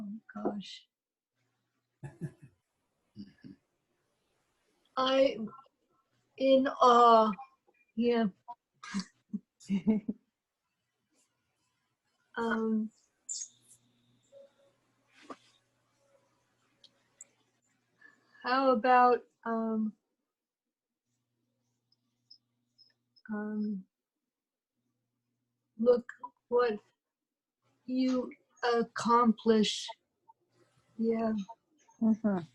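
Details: Real adult member of an aphasia support group, speaking in an online group session; aphasia.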